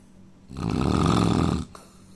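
One loud, rough, rattling snore about a second long, low and buzzy, in a quiet room.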